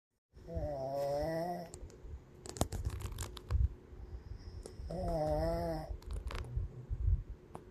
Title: Someone snoring again